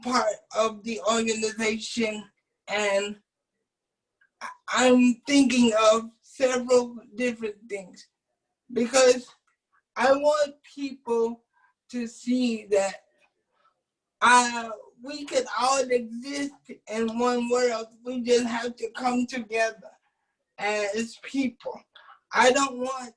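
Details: Adult man with cerebral palsy who uses a wheelchair, whose family was told by doctors at birth that he would not be able to speak; dysarthric speech (cerebral palsy).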